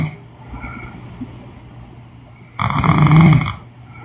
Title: Women snoring noise💤